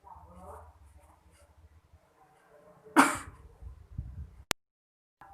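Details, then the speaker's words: Acted demonstration of cough etiquette, covering mouth and nose with a tissue: a single muffled cough or sneeze burst, followed by handling noises and a sharp click. "pareto kedua yaitu Tutup mulut dan hidung menggunakan tisu jadi Contohnya kayak gini ya ya"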